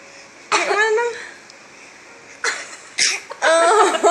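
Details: 8-month-old baby imitating a cough on request, making short voiced cough-like bursts between squeals; a playful imitated cough, not a real one.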